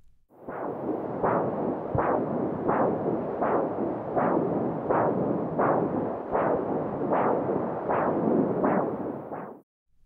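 Regular whooshing pulses at about 80 a minute: the mother's arterial pulse picked up by fetal Doppler.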